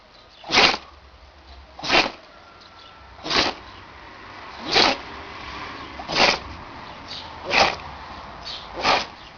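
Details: Animal sneezing, seven short, sharp, hissing sneezes at steady intervals, about one every one and a half seconds.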